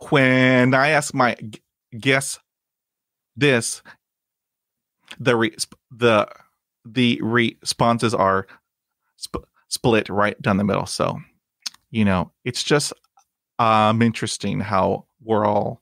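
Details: Male podcast host who stutters and still has blocks and repetitions when talking aloud or reading; stuttering.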